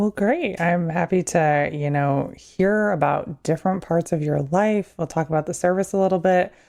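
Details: Adult woman speaking; normal speech.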